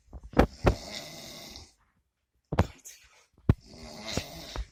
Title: Snoring